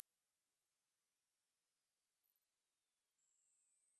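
A very high, thin steady whistle tone that cuts off abruptly; a hearing test tone used to check age-related high-pitch hearing loss.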